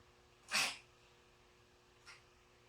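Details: Duck sneezing: one sharp, hissing sneeze, then a much fainter second sneeze about a second and a half later.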